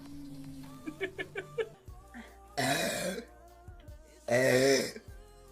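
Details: Two loud, drawn-out burps from a woman streamer, each under a second, with soft music and short voiced sounds before; she then says excuse me: burping.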